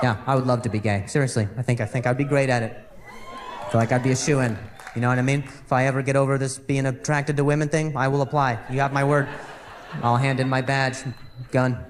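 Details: Adult male comedian in a stand-up performance who says he has stuttered for years since a softball injury; stuttering.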